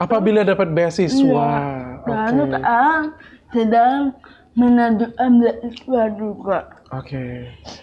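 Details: Dysarthria in a young woman with cerebral palsy, with speech difficulty since childhood.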